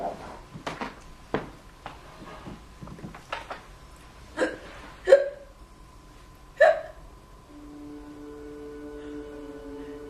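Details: Sharp, brief hiccups at irregular intervals, a few louder near the end, over faint room noise; hiccups.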